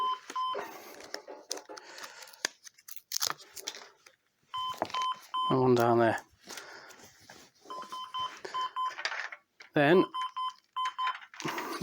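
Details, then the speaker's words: Patient monitor alarm: repeated short electronic beeps in a small room from an ambulance monitor with ECG, pulse oximetry and blood pressure connections, sounding because no ECG electrodes are attached and no data is coming in. "we need to put meeting G dots on him it's gonna complain because there's no actual data coming off him"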